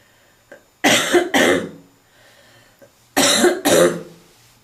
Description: Barking smokers cough